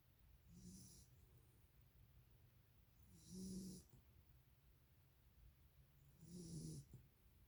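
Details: Dog named Noah snoring while asleep: soft, low snuffling snores about every three seconds, roughly 20 a minute, over steady background hiss.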